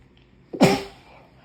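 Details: A puppy with a cold: a single short, sharp sneeze, a sudden burst of air through the nose.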